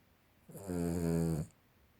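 One deep, buzzing snore lasting about a second on an in-breath, in a quiet room: ordinary snoring.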